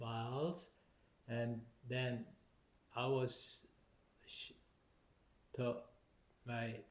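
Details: Adult male stroke survivor with aphasia due to stroke, having trouble speaking and collecting his thoughts and needing extra time to respond, on blood thinners; aphasia.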